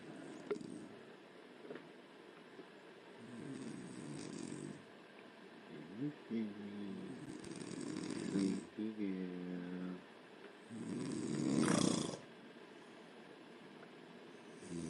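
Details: Loud, rough snoring from a sleeping woman, with each breath separated by quieter pauses and faint room noise; snoring.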